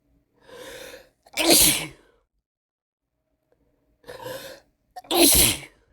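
Two sneezes, each a drawn-in breath followed by a loud explosive burst through the nose and mouth.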